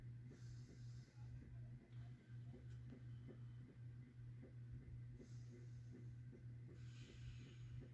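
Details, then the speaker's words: Normal breath sounds on pulmonary auscultation over the lower lobe bases of an adult's back; patient inhales through nose, exhales through mouth; soft breath sounds with steady low hum; bronchial sounds and vesicular murmur completely normal. "y espíritu que viene todo cansa más tanto los ruidos bronquiales y los murmullos pulmonares total y completamente normales"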